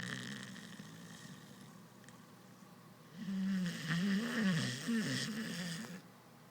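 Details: Sleeping dog snoring like an old man: quiet breathing, then a louder stretch of wavering, whistling, nasal snores lasting about three seconds.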